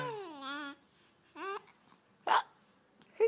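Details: Infant babbling, then two sharp, brief catch sounds a second apart; infant hiccups.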